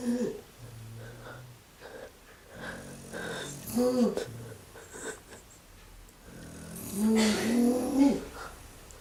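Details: Irregular snoring with musical, whistling and groaning tones on the breaths from a sleeping mother; a noisy, unusual snore.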